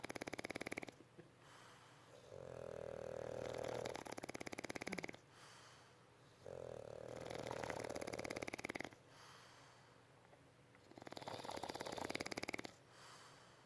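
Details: Rhythmic, rasping snores on each breath, about five a minute, with a fluttering buzz from sleeping bulldogs; snoring in a flat-faced dog.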